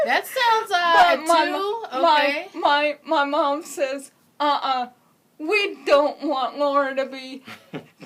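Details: Speech of an adult woman with congenital cerebral palsy who uses a wheelchair; speech not explicitly described as disordered.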